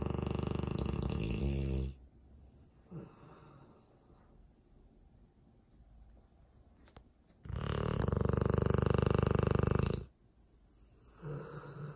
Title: Dog snoring